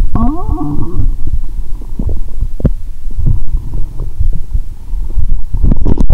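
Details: Stethoscope on the upper abdomen after drinking cola with Mentos, belly painful: low gurgles and bubbling rumbles with squeaky rising gurgles, active bowel sounds (borborygmi).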